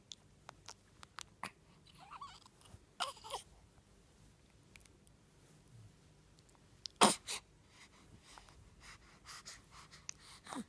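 Quiet room with faint clicks and rustles, then a sudden sharp explosive burst in the middle of the clip, typical of a sneeze.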